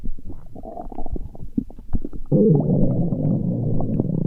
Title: Stomach growling, Урчит в животе